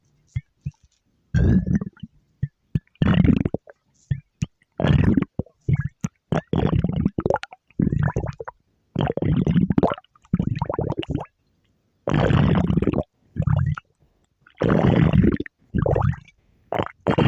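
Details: Stomach growl: loud, low gurgling rumbles in repeated bursts with short pauses, from gas and fluid moving through the gut.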